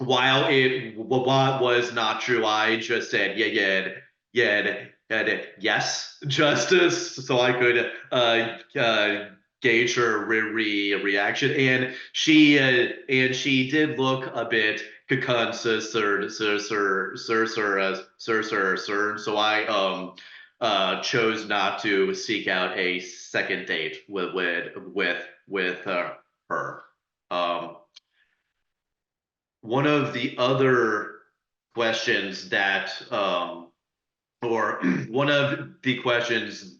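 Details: Adult who stutters, real, speaking as a panelist sharing personal experience in a webinar on dating and stuttering: stuttering.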